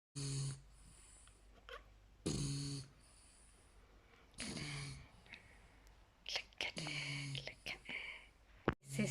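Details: Sleeping French bulldog: loud, rough snores in several bursts with quieter gaps between; snoring.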